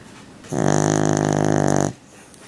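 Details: Tulip snoring: one buzzing, rattly breath noise lasting over a second.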